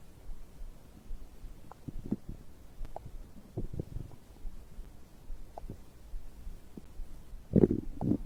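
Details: Bowel sounds of digestion recorded after drinking a beverage: frequent soft gurgles and low rumbling pops, louder near the end; normal stomach growl.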